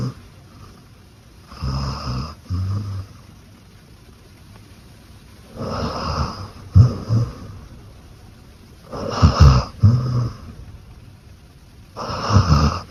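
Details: Low, rattling snores in paired in-and-out breaths, about five cycles a minute, from a sleeping female Beagle dog: snoring.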